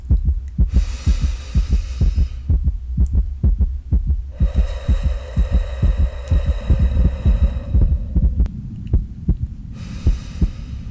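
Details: ASMR role-play of an anxious patient whose heart is rechecked during slow breathing exercises. Steady, regular low heart thumps through a stethoscope with soft breath-like hiss in stretches: normal heartbeat.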